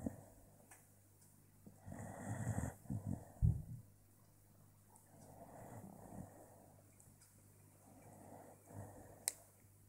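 Low, rough rattling sounds with each breath, a louder snort, then softer cycles about every three seconds, typical of snoring.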